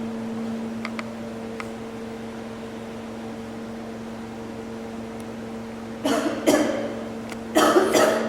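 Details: Two short bursts of coughing from a girl after inhaling vapour while vaping, over a steady electrical hum; she says the vapour gets stuck in her throat and her nose is running.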